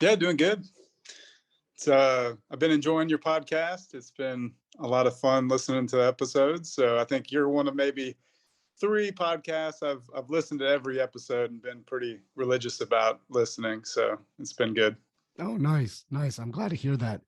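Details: Adult man in conversation; normal voice.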